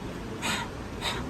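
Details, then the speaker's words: Imitated bronchial breathing in a pediatric respiratory exam lesson: two harsh, hollow breaths with inspiration and expiration of equal length, a clear pause between, harsh expiration; abnormal, heard over consolidation, collapse, fibrosis or bronchiectasis. "So what happens in bronchial breath sounds? So the phase of inspiration and expiration both are in equal duration, and there is a pause between inspiration and expirations, and expiratory phase particularly will be harsh"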